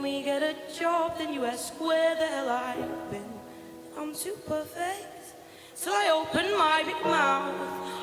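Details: Female singer singing, with air escaping because her vocal folds are not touching, attributed to a vocal cyst; breathy dysphonia from vocal fold cyst.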